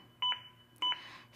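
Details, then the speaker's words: Two short double-tone beeps from a ZOLL AED Plus adaptive CPR metronome, which monitors chest compressions during demonstration CPR and pushes them to at least 100 per minute; AED CPR metronome beeps. "The beeps act as an adaptive metronome that monitors my compressions and tries to speed them up to at least 100 per minute."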